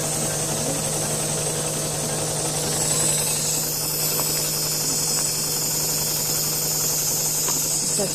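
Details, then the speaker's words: Steady mechanical droning and rattling of a high-frequency chest wall oscillation vest loosening airway mucus in a 16-year-old boy with polymicrogyria and respiratory problems, congested, given Atrovent by nebulizer; room noise. "A little shaking going on. Isn't that a song? There's a whole lot of shaking going"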